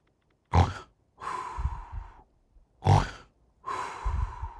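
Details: Animated cartoon snore effect for a reclining purple ghost asleep in a reclining chair: two loud snoring cycles, each a harsh snorting inhale followed by a long rumbling exhale; simulated snoring.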